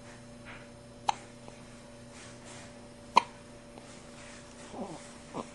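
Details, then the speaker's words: A male infant ("little man") with hiccups: two sharp, abrupt hiccup sounds about two seconds apart over a quiet hum, with a soft baby sound at the end. Infant hiccups. "The orange has hiccups. You alright, buddy? You got hiccups, little man?"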